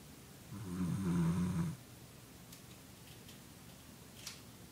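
A single low, rumbling snore lasting about a second, then quiet breathing; ordinary dog snoring.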